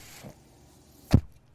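A brief low mechanical thump with a short puff of air, the cycling sound of a home ventilator.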